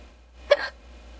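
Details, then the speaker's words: AI-generated imitation of a streamer with hiccups: a single sharp voiced hiccup over a low hum, not a real person. "can you guys um I can't stop hiccupine can you guys hello hello u"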